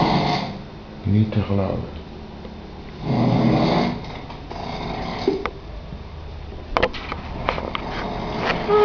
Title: Massive snore - Mega snurk 2